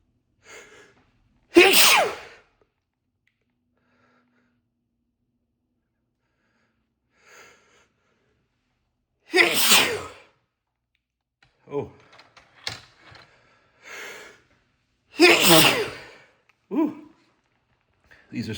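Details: Adult sneezing fit triggered by sneezing powder, unlike the person's normal sneezes: three forceful sneezes, each preceded by a short indrawn breath, with gasps and sighs between them.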